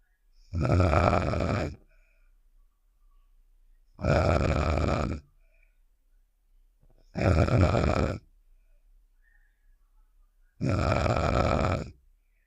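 Four loud, rattling inhaled snores about 3 seconds apart with quiet pauses between; a cartoon sound effect of snoring, roughly 18 breaths a minute.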